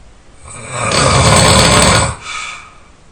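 One very loud, harsh, rasping snore on a single breath, about a second and a half long, fading into a softer breath.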